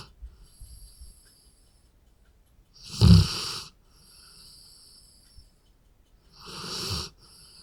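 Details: Large Labrador dog snoring: two loud, rough breaths about four seconds apart with a quieter breath between, repeated clip.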